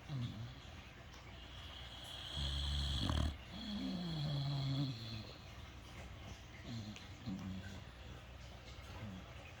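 Low, rumbling snores with whistling, squeaky nasal breaths over room noise, typical of sleeping animals snoring.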